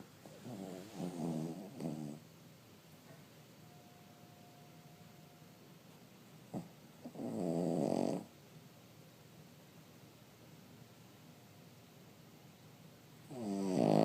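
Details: A 3-year-old Cavalier King Charles dog snoring while asleep: slow, rattling snores about one every six seconds, with quiet pauses between.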